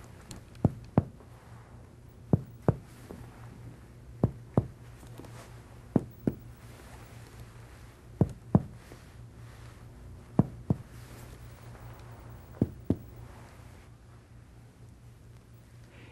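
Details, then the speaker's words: Percussion of the anterior chest of an adult patient lying supine, comparing matching spots: seven pairs of hollow, low-pitched taps giving a normal resonant note, percussing down toward liver dullness. "you want to check the level of the right diaphragm anteriorly percuss from resonant lung downward to liver dullness"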